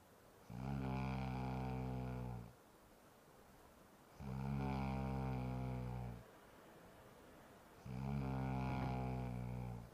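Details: Man snoring during sleep: three long, deep, droning snores of about two seconds each, evenly spaced with quiet gaps, roughly 18 breaths a minute.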